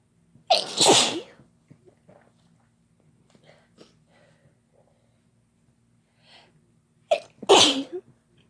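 Two loud, explosive sneezes several seconds apart, each with a quick inward breath before the burst, in a quiet room.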